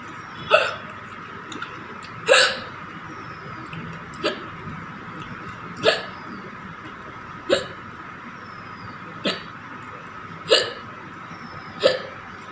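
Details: Woman hiccupping after eating very spicy green chili with rice: eight sharp, abrupt hiccups about every one and a half seconds (about 38 a minute) over a steady background hum.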